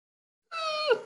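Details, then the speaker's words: Imitated by a veterinary speaker during endoscopic larynx evaluation with doxapram: the high-pitched, whistling, fluttering inspiratory sound of a dog's laryngeal paralysis. Dogs often make it before full stridor while just walking, suggesting early laryngeal paralysis (unconfirmed). "All right, so that fluttering sound, very often they'll come in before they get to the stridorous point and have that sound just walking down the hallway"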